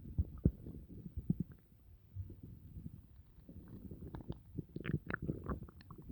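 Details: Stomach noises after dinner: low gurgling and rumbling with scattered squeaky bubbling sounds; ordinary bowel sounds after a meal.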